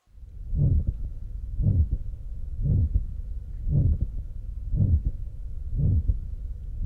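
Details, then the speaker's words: Moderate aortic stenosis, heart rate near 58 per minute: a loud crescendo-decrescendo systolic murmur followed by a soft but clearly audible aortic closure sound. "the loud crescendo-decrescendo systolic murmur, which is followed by a soft but clearly audible aortic closure."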